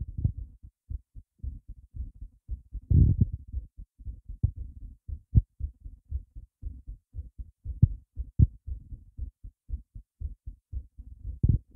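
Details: Heart racing after being surprised a lot: fast, regular low thumps at roughly 150 a minute with occasional louder knocks; tachycardia.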